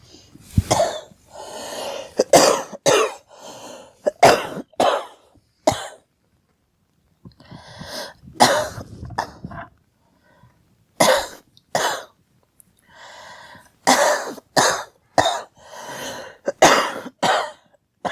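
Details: Girl coughing: rapid runs of short, sharp coughs with a pause midway; repetitive cough.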